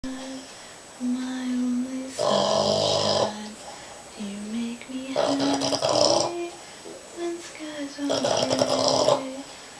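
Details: Sleeping Boston Terrier snoring: three loud, harsh snoring breaths about three seconds apart, with softer whistling nasal sounds between them; snoring.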